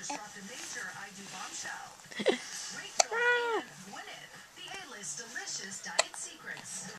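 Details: Two abrupt hiccup clicks about three seconds apart, with a brief voiced squeal and quiet talking in the room; hiccups.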